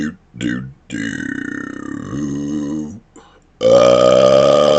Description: Showing some sounds that are easy to put into burps. Some of them them going into words after. :)